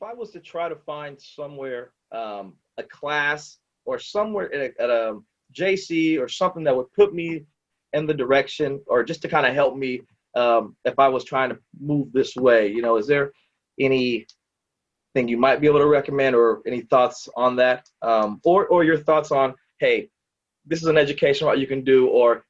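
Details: Adult male speaker; ordinary speech.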